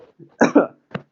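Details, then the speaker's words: A single harsh, loud cough burst with a short follow-on in a quiet room; a bystander's cough the speaker calls a bad one. "you hear that cough? That was a bad one."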